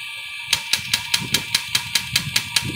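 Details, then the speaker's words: Ginha HL 3621 shockwave therapy machine at frequency 5, applied with gel and held against the hand, felt as percussion-like pulses: sharp, evenly spaced snapping clicks at about five per second over a steady electrical hum. "there it is I can feel the pulse basically just like striking my hand maybe you can see and you can hear so just what this basically it acts like a percussion"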